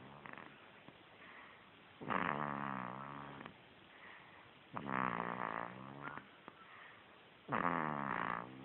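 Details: Baby snoring: three drawn-out, rattling snores about every two and a half seconds, with soft breathing in between; snoring.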